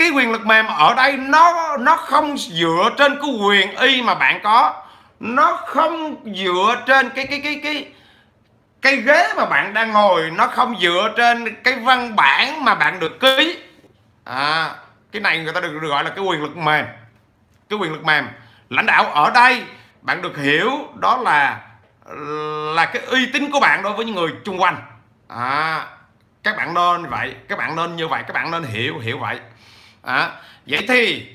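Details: 43-year-old man who has stuttered since childhood; he says it has eased with frequent speaking but persists; stuttering.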